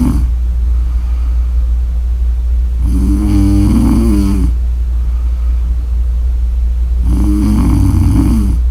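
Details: Snore audio: two long, vibrating snores on breathing in, about four seconds apart, over a loud steady rumbling background; snoring.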